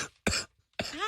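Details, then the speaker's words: Adult man with a severe cough he says comes from his lungs gives two harsh bursts, the second ending in a rough, squeaky, crackly rattle, likened to kennel cough or a death rattle. "it's like a kennel cough it's like a death rattle that's what I want to hear"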